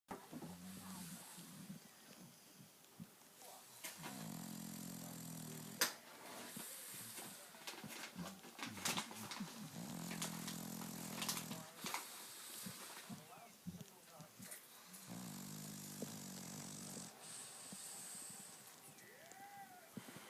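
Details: Sleeping French bulldog snoring: loud, rough, rumbling snores in repeated long breaths with snorting noises between, typical of heavy snoring in a flat-faced dog.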